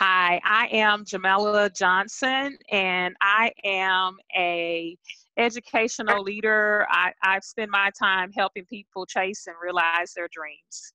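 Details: Adult woman speaking; Normal voice.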